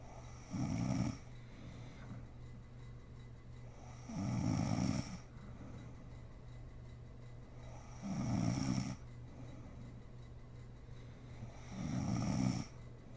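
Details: Mother snoring while sleeping, ASMR recording: regular low rattling snores on each breath in, about 15 a minute, with quiet steady background hum.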